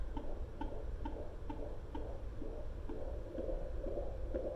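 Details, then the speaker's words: Home fetal Doppler with ultrasound gel at 36 weeks of pregnancy, measuring 39 weeks, picks up the baby boy's heartbeat. It is a rapid, regular whooshing at about 130 beats a minute over a steady low hum. "I hear it listen can you hear that that's his heartbeat and so you can see the numbers so you can monitor the numbers"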